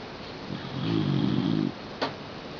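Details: Shiba dog sleeping in the family bed gives a single loud, low, rattling snore followed by a brief sharp click; ordinary snoring.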